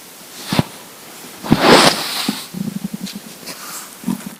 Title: Hungry Empty Stomach Rumbling Part 3 (22/10/2015)